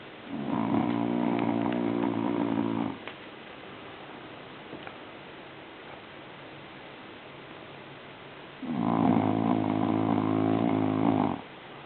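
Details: Snoring in a 13-year-old Chow Chow that is slowly going deaf and takes painkillers three times a day for aching joints. Two long, loud, rattling snores about six seconds apart, with quiet breathing between them.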